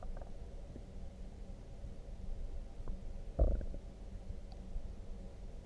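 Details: Loud stomach growling after drinking coffee: low gurgling and rumbling from the belly with a louder squelch partway through; normal borborygmi.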